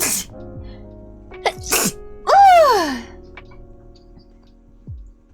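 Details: Sneeze compilation: several sharp sneezes, one with a drawn-out rising and falling vocal sneeze sound, amid light background music.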